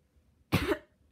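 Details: A single short, moderately loud cough from a teenager with a minor cold, reported as present for about two days with no fever.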